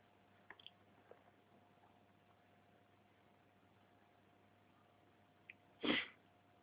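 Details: Adult male, others nearby, trying to hold back sneezes: a single short, soft, suppressed sneeze against steady background hiss.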